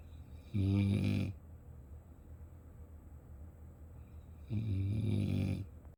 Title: 30 seconds of puppy snores